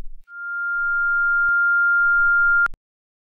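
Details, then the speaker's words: Simulated whistling tinnitus (acouphène): a steady, high-pitched whistle lasting about two and a half seconds, a noise not coming from outside. "la coufen peut se présenter sous diverses formes il s'agit toujours d'un bruit parfois plus d'un à la fois ou d'un dans chaque oreille pouvant être constant ne provenant pas de l'extérieur"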